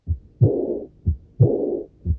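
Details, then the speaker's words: Early diastolic murmur of aortic regurgitation, heart rate near 60 a minute: a soft, faint, blowing murmur beginning with the second sound, without radiation, heard best at the accessory aortic focus, third left intercostal space at the sternal border. "Aquí tenemos un soplo diastólico por regurgitación de cualquiera de las dos válvulas sigmoideas. Vamos a escuchar este. Son soplos de poca intensidad, aspirativos, tienen ese carácter, aspirativos, no tienen irradiación."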